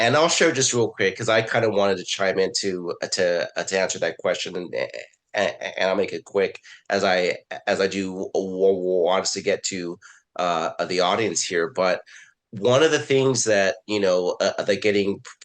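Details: Stuttering in an adult man who had speech therapy and went through desensitization to his own stuttering.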